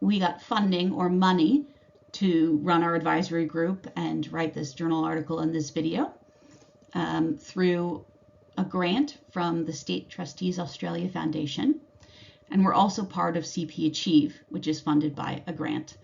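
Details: Adult speaker; ordinary speech.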